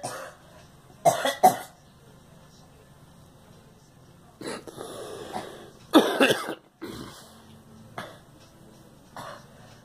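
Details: A girl gives a pair of sharp coughs, then a longer rough burst of several coughs, followed by a few softer throat-clearing coughs; a repeated cough.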